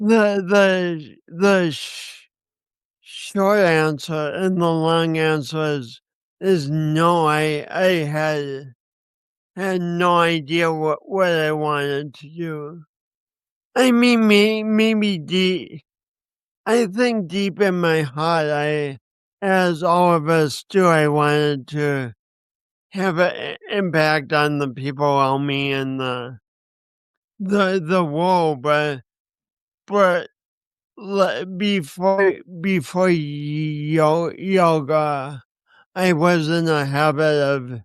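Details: 50-year-old man with a lifelong speech impediment and coordination issues he links to a birth injury and describes as a disability; dysarthria with disfluency.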